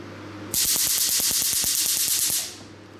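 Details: Picosure picosecond laser set to maximum frequency and spot size, fired on test paper: a rapid train of sharp, crisp cracking snaps, about three per second, over a loud hiss.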